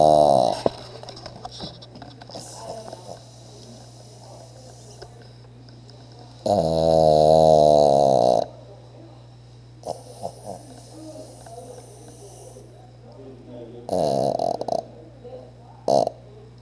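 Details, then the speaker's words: Pug snoring very loudly: rattling snores in long bursts, separated by quieter breathing with faint snorts; the owner says he snores even louder when awake and thinks something is wrong. "what you doing what is wrong with you tug why do you snore so loud"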